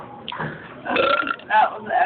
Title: Burping part 2